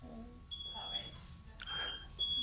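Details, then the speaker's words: Steady high-pitched neonatal monitor beeps over faint room noise and voices at the delivery of an extremely preterm baby; neonatal monitor beeps. "it's a real privilege for me to be at this delivery and so i'm just going to play this and i'll apologize in advance for the beeps of the monitors it's something you only realize is going on in retrospect but if you can try and hear through the beeps"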